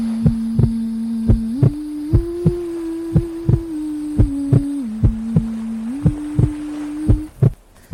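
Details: Heartbeat sleep sound made to help a baby girl fall asleep: paired lub-dub thumps, roughly 65 a minute, under a soft hummed melody, wave sounds and steady white noise.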